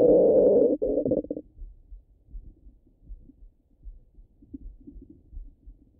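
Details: Stomach rumbling: one loud, low gurgling rumble, then faint scattered bubbling gurgles; ordinary bowel sounds.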